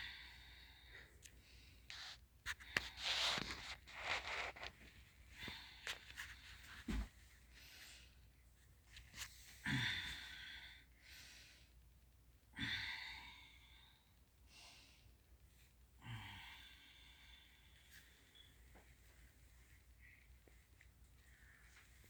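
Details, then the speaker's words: Normal clear breath sounds heard with a stethoscope on a female patient's thorax during a nursing student's focused respiratory assessment, after taking deep breaths; equal bilateral chest expansion, no adventitious or diminished sounds. "I want to listen for adventitious sounds I want to listen to know if there are if the breath sounds are clear of course or diminished"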